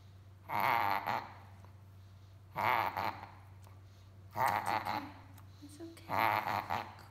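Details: Pug puppy with reverse sneezing, worse than normal but in no immediate danger, advised to see a vet: four loud honking, snorting gasps typical of reverse sneezing episodes.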